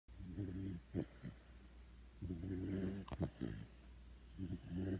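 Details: Sleeping dog snoring loudly: rattling snores roughly one every two seconds, with snorting breaths in between.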